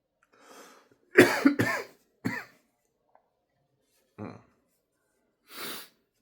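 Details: Irritant cough after deliberately snorting a sneeze-inducing powder (chinnkni) to provoke sneezing: about three harsh wet coughs, then softer coughs and breaths.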